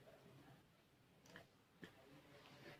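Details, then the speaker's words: Abdominal percussion across the quadrants on an adult male patient during a nursing physical-exam practical, done after bowel-sound auscultation: a tympanic note, which is normal; hypertympanic would be abnormal. "Maaf ya Pak kita dengarkan Hai normalnya itu sorenya timpani yang tidak normal gitu hipertimpan"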